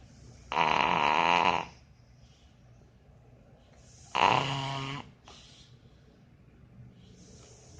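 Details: Dog snoring in sleep: two loud, buzzing snores about a second long, several seconds apart, with quiet breathing between; ordinary snoring.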